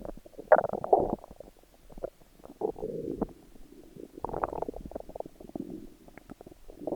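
Irregular gurgling and rumbling bursts with brief pops, typical of stomach growling, a normal sound of gas and fluid moving through the gut.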